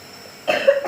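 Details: Child with a cough having home nebulizer steam treatment to thin phlegm, one short, harsh cough burst against a quiet room with a faint steady nebulizer hiss.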